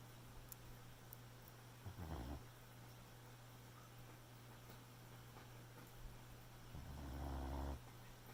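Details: Two rattling, low snoring breaths several seconds apart, the second longer and louder, from a sleeping Boxer puppy over a steady background hum; snoring.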